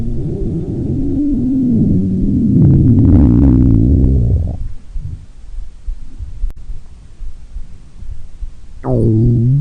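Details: Low, drawn-out gurgling rumbles with wavering pitch for several seconds, a quiet gap, then another brief gurgle: ordinary stomach growling (borborygmi).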